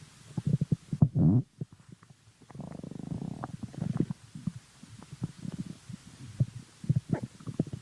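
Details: Person's stomach: gurgling, bubbling rumbles with a brief louder growl from the belly: ordinary stomach growling of digestion (borborygmi).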